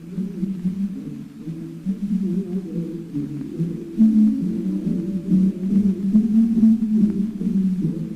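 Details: Orchestral choral music heavily muffled and dull, only low tones left and no clear high sounds: simulation of profound hearing loss, as imagined for Beethoven's progressive deafness, with ears whistling and buzzing day and night.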